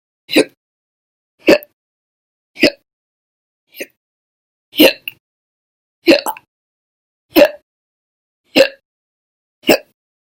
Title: 6/1/20 to 6/30/20, Violent, Bad Loud, Silent, Minute, Second Hiccups Audio Only